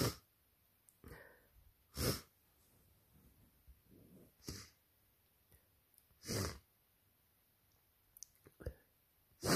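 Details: Adult with a cold during allergy season, runny nose: several sharp sneezes with soft sniffing and breaths between them in a quiet room; sneezing.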